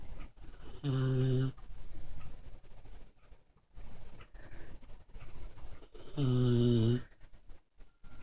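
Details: Sleeping pit bull dog snoring: two low, droning, buzzing breath sounds about five seconds apart, with soft breathing noise between.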